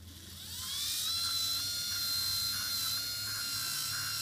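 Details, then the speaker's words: Dental hygienist polishing teeth with prophy paste: steady high-pitched whine of a polishing handpiece spinning up and running, with light contact changes on the teeth. "when polishing I feel like if you do a really good job with your scaling you don't have to do a ton of marginal polishing"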